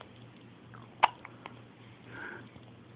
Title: hiccup surprise